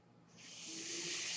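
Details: Real podcast recording in which the speaker explains that the noise heard is his own mechanical ventilator; a steady airy hiss builds over about a second with a faint low hum beneath as the ventilator delivers a breath; mechanical ventilator noise.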